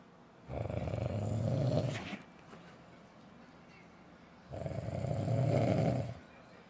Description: My husband snoring so freaking loud ,every single night.... it never fails.